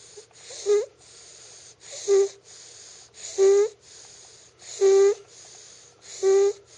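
Regular musical, whistling breath sounds, about 42 a minute, each with a steady high-pitched tone: a wheezing, whistling snore.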